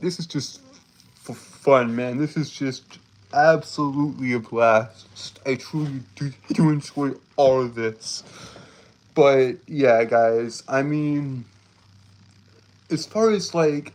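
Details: Stuttering in a male streamer who says he has a speech impediment that makes him stutter and trip over his words; repeated phrases are heard.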